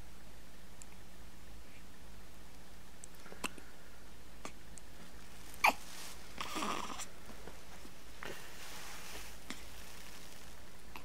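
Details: One-week-old baby boy with hiccups: soft, faint hiccup clicks a few seconds apart, with quiet room noise.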